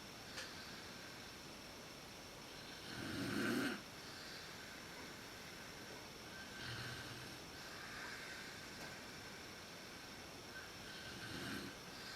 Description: 真っ暗でわかりにくいですが母親のいびきです。寝始めがひどいです。PowerShotSX130ISで収録。